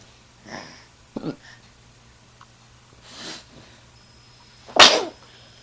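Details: While eating his meal, he gives a few soft snorts and sniffs, then one loud, sharp sneeze in a quiet room.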